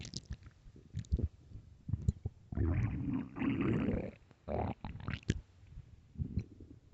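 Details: 9 minutes of loud stomach growling from hunger: loud gurgling, rumbling bowel sounds in irregular bursts with squelches and pops; borborygmi, a normal finding.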